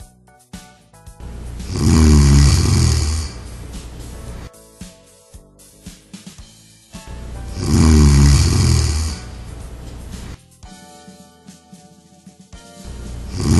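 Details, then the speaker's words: Snoring demonstration for a smart anti-snore pillow that shifts after detecting four snores: loud, deep, rattling inspiratory snores about every six seconds, with background music. "the smart anti- snore pillow shifter works by gently Shifting the pillow left and right seven times after the Snore sensor detects the fourth snore"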